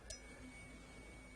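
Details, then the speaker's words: Tuning fork struck and placed on the forehead for a Weber test during a real cranial nerve (acoustic nerve) exam; soft, steady pure tone against room hum; the patient hears it in the middle. "The Weber test is actually using a tuning fork, placing it on the forehead. And do you hear that on one side or the other or the middle?"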